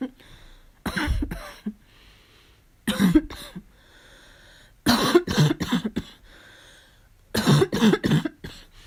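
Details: Barking cough during a fall cold: four bouts of harsh, explosive coughs in quick runs with a hard barking quality.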